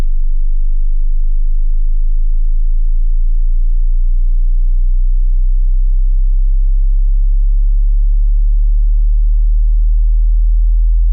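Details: Hearing test sine sweep from 20 Hz to 20 kHz: loud, pure, very low tone held steady at the start of the sweep.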